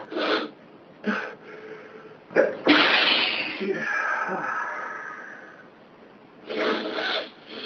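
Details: Sneezing: several short, explosive bursts of air through the nose, with a longer breathy burst between them.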